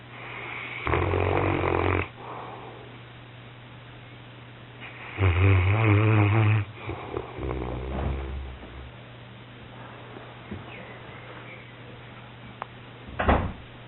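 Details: Pyrenean mountain dog having an afternoon snooze: loud, coarse, rattling, snorting snores, several irregular breaths over about fourteen seconds; snoring during sleep.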